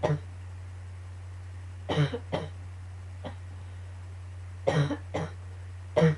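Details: Recurring annoying coughing fit: about seven short coughs in clusters of two or three, over a steady low hum.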